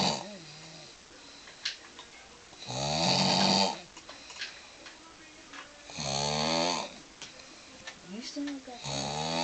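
Loud, rough, rattling snores on the in-breath, about every three to four seconds, with quiet breathing between; ordinary snoring.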